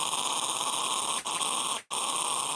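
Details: Live single-tooth dental implant surgery on an adult male patient: the steady high whine and hissing water spray of the implant drill with water irrigation, briefly cutting out twice.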